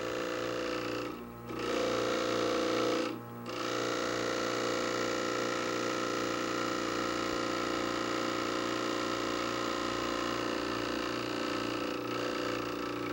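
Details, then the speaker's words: Dental lab vibrator filling a casting ring with vacuum-mixed investment for gold casting: steady rattling electric buzz with two brief dips near the start; dental vibrator running. "while it is under the vibration on top of vibration break the vacuum and let it fill"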